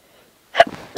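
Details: Single brief, stifled sneeze burst after silence with a soft breathy tail, kept quiet because everybody was asleep; suppressed sneeze.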